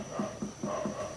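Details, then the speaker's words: Percussion over the abdomen of a 26-year-old man during a physical exam, four quadrants tympanic, within normal limits; a tympanic abdominal percussion note. "timpani dari pemeriksaan perkusi di abdomen semua timpani berarti dalam batas normal"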